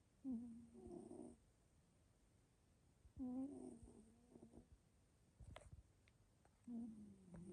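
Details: A roughly four-year-old cat, apparently a Scottish Fold, snoring fairly loudly while sleeping, with three loud, low, rattling breaths about three seconds apart.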